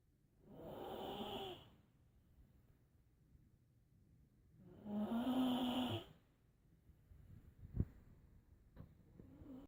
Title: Relaxing Snoring